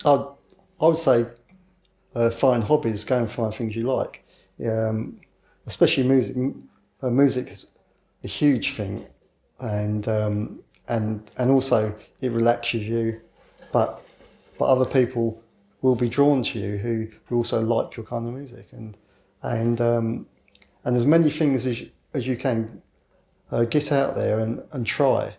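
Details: 61-year-old man with a lifelong stammer since childhood, now covert and hidden so overt disfluency may be infrequent; mild covert stammering (stuttering)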